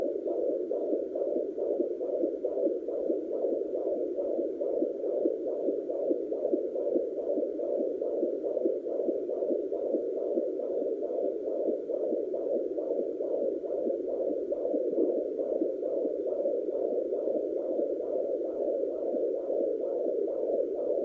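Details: Fetal heartbeat of a baby boy at 29 weeks (28 weeks 6 days) recorded with a pocket fetal Doppler: fast, regular whooshing pulses at about 140 per minute, normal for pregnancy.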